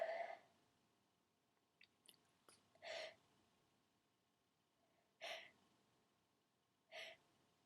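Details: Several short, sharp sneezes with quiet pauses and a few clicks between, done on request as loud wet sneezes; repeated sneezing.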